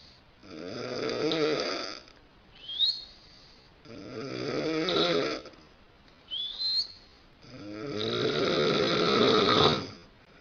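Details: A wife snoring loudly at night: loud, rattling snores on three breaths in, each followed by a brief rising whistle on the breath out; about 18 breaths a minute.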